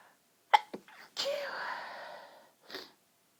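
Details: Pinched, partly stifled sneeze after long breathy build-up from an incredibly tickly nose: quick breathy catches, then the sneeze with a long exhaled release.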